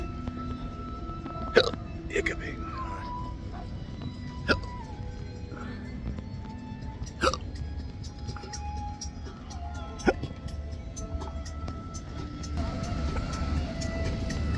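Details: Adult with intractable hiccups since December 2015 after surgery with nerve damage (pudendal nerve injection, phrenic and vagus involvement), outdoors at a beach: sharp brief hiccups about five in fifteen seconds over music and outdoor noise; hiccups.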